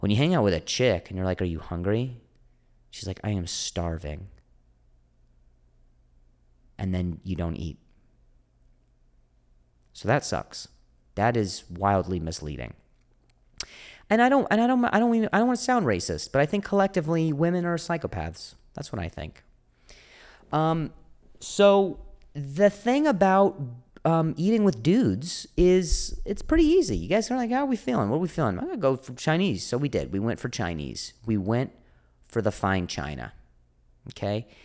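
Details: Stuttering in an adult male comedian with a stutter, described as a speech impediment; audible repetitions are present.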